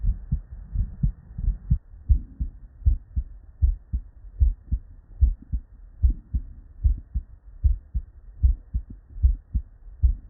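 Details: Real, unedited bedside recording from a human with normal cardiac physiology: steady regular lub-dub at about 75 beats a minute, normal first and second heart sounds.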